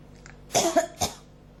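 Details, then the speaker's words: Persistent cough that won't stop, with irritation in the throat, as if something is about to come up: two short, harsh, dry cough bursts in a quiet room, the first with a brief voiced catch. "結構きますね、喉に。出そうでなかなか"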